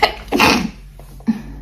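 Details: A single sharp sneeze with a quick intake of breath before the burst, then a short breath afterward, from a young woman, part of a sneeze compilation; sneeze.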